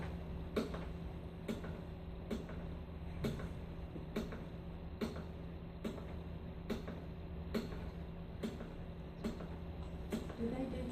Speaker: then you start uh doing 30 chest compressions and you down deep and you hear that clicking sound on the dummies